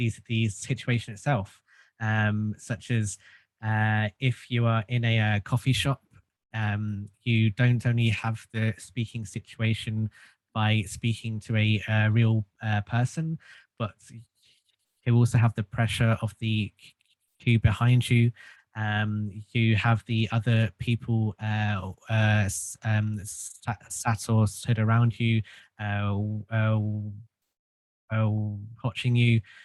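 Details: Adult male who has stuttered since childhood and received group speech therapy; stuttering.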